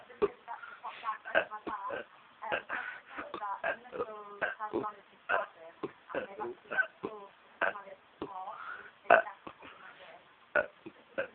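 A rapid series of short, voiced, pitched belches strung together like a tune; deliberate burping rather than a symptom.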